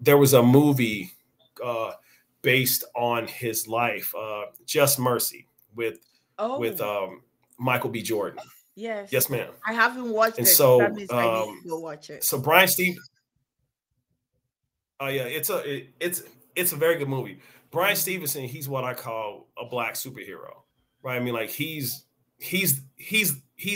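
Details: Stuttering in an adult man with onset at age five or six, persisting and audible over extended conversation; this stretch has word and phrase repetitions; real speaker; finding: stuttering.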